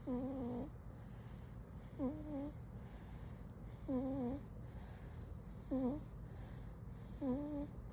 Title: 코고는 아기 생후2개월 80일 아기 #cute #baby 하찮고 귀여운 코골이 💤 낮잠1